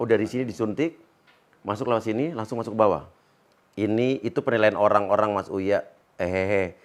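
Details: Adult male speaker; ordinary speech.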